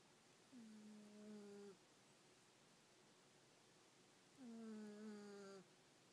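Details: Two drawn-out, squeaky, whistling snores from a sleeping female cat in a quiet room; harmless snoring.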